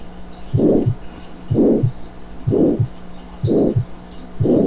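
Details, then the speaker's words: Simulated aortic stenosis at about 62 beats a minute: harsh diamond-shaped systolic murmur ending at a decreased second heart sound, an opening click masked by the murmur, prolonged isovolumetric contraction, and a clean diastole. "está el chasquido de apertura que está enmascarado por el soplo y el soplo romboidal 2 sobre romboide al que termina hasta el segundo ruido cardíaco"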